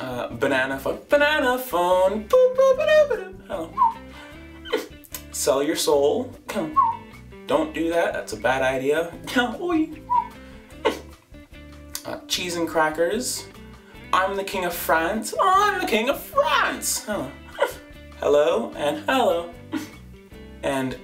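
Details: Adult female with Tourette-type tic disorder demonstrating her current vocal tics (second quarter of the year), mostly random words and phrases, with interjection tics; vocal tics.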